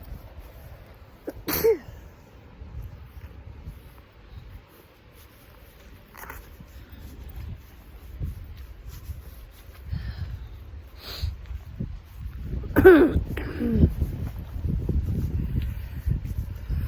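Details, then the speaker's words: Person on a cold outdoor walk, around 36–37°F, who has been sneezing all day with itchy eyes and suspects the spring bloom, gives two loud sneezes with breathing and outdoor noise between them. "I have been sneezing so much today. I don't know what happened. My eyes all itchy."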